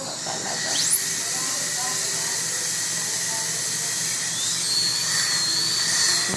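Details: Dental drill on a child's large decayed tooth, removing soft decay before placing medication, no anesthesia: high-pitched whining and hissing with a rising squeal, steady room noise behind.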